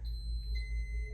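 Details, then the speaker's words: Infinity enteral feeding pump in a teaching demonstration: the top (inlet) tubing is deliberately kinked, triggering steady high electronic alarm tones over low room hum, a no-flow-in occlusion alarm. "Now, I'm going to kink the top here. It's going to beep at us and it's going to say no flow in."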